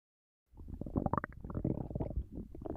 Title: Just a little nap^^ Snoring and stomach sounds